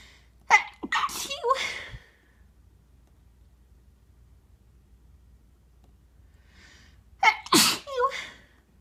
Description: these are my normal sneezes, induced with a tissue.